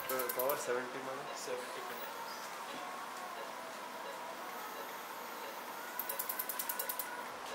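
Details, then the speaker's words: Cataract surgery under topical anesthesia on a 65-year-old man, phaco machine in quadrant removal mode emulsifying about six chopped nucleus fragments: rapid, regular machine beeps and clicks over operating-room hum. "the settings are changed to quadrant REM mode and now is the time to emulsify each of them in a very controlled"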